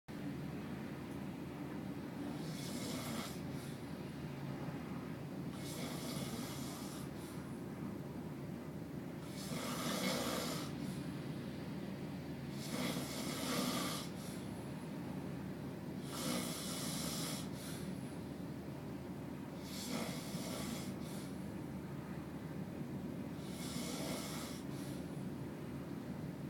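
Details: Co-worker snoring during sleep: rhythmic, hissing snore-like breaths, about 17 a minute, over a steady low background hum.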